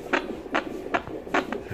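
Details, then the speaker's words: Fetal heart sounds on a handheld pocket Doppler probe applied to the abdomen of a pregnant woman, heard distinctly when the probe is at the exact location: rapid, regular whooshing pulses at about 150 a minute. "the heartbeats can be hard distinctly when the probe is the exact location of the"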